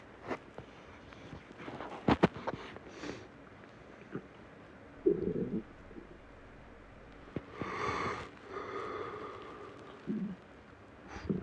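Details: Male stomach growling: faint low gurgles and rumbles in a quiet room from gas and fluid moving through the gut; borborygmi.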